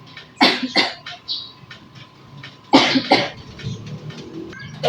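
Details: Two pairs of short, forceful acted coughs over a faint steady hum; a simulated cough in a demonstration of cough etiquette.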